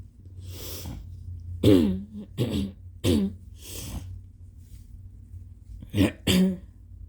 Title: MORE Stuffy nose blows w/ wet, phelgmy coughing 🤧😫💦